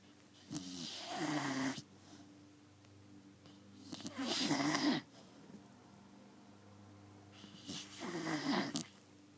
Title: Snoring Beagle